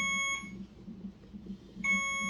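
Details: Pregnant woman at 38 weeks in a labor and delivery triage bed with nausea and vomiting: two sharp electronic beeps separated by a quiet gap from the bedside monitor; earlier it beeped for about ten minutes from a low battery.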